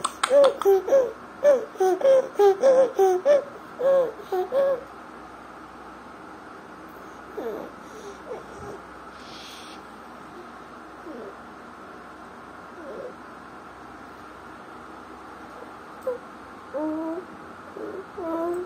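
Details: A 1-year-2-month-old boy with bilateral vocal cord paralysis laughs in bursts, with high-pitched crowing noisy breaths between them; inspiratory stridor.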